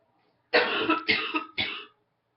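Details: Three harsh, rough cough bursts in quick succession: a congested morning cough with a cold, after waking up congested.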